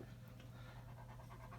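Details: Older German Shepherd with rear leg weakness and left-sided buttock atrophy, during chiropractic atlas adjustment: quiet rapid rhythmic breathing over low room hum; panting.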